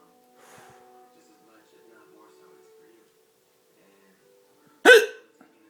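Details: Person with two broken ribs: one abrupt, voiced hiccup amid quiet background talk and music, followed by repeated groans; hiccup.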